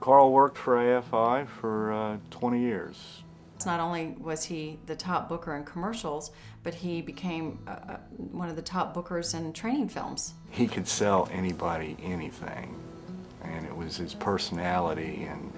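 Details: Adult male speaker; Normal speech.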